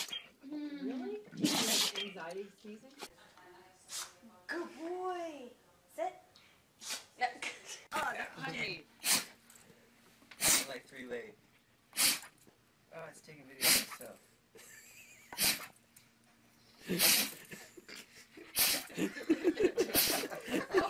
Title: Funny Dogs Sneezing HD 2016